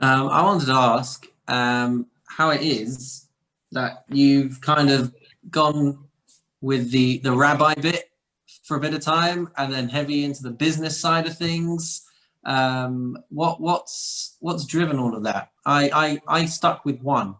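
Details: Adult male speaker; normal speech.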